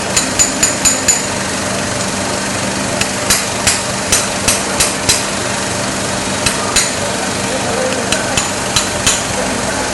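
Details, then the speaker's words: Basal (BOI) implant in mandible with 3 mm bone height above mental foramen, 9 mm implant: sharp metallic mallet taps in short runs over motor noise, tapping the distal plate; mallet seating dental implant. "I'm going to try to beat the plate distal and then you see again in the mandible"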